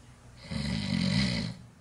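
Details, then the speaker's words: Adult man snoring during sleep, with a single loud, rumbling snore on an in-breath lasting about a second; snoring as a symptom of sleep apnea, shown before he stops breathing (witnessed apnea). "this is the video where we're actually watching someone snoring during sleep and I want you to stop reading when he stops breathing can you turn up the volume so we can hear the snoring please"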